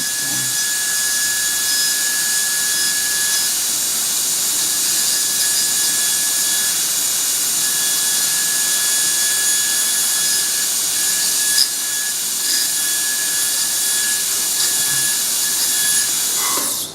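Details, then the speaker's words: High-speed dental handpiece refining the access cavity from inside to clear overhangs after locating canal orifices in a mandibular molar during root canal training: continuous high-pitched whine, briefly varying. "Just move the bar along the shape that we had created and remove the things that are obstructing the vision."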